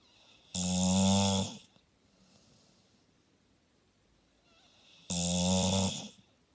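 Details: Staffy (Staffordshire bull terrier) snoring: two loud, rattling snores on the in-breath about four seconds apart, quiet breathing between; owner remarks the dog is not even asleep.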